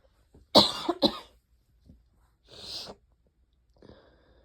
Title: really wet itchy allergy sneezes and a few coughs